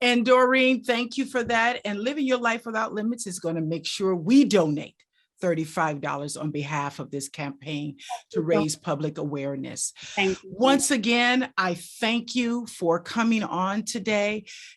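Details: Adult woman speaking; normal speech.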